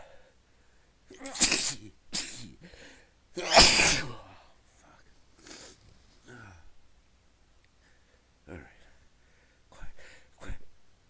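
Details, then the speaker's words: A run of about three forceful stifled sneezes, then softer breaths and smaller sneeze bursts; repeated stifled sneezing in a fit the speaker says they can't stop. "I feel like got to sneeze I feel like it later I'm start keep it quiet that's so good have to sneeze"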